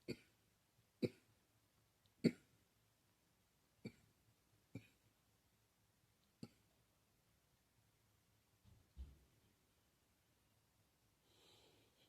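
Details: Girl who thinks she is getting a cold, with a scratchy, sore throat: six short, soft, dry coughs spaced irregularly over about seven seconds, then faint movement noise; mild cough.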